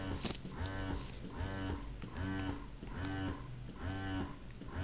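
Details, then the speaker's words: Phanpy double electric breast pump on a breast model with an oversized flange, running expression modes two to four: rhythmic motor hum rising and falling about 76 times a minute in steady suction cycles. "let's try expression mode number two next let's have expression mode number three all right let's have expression mode number four"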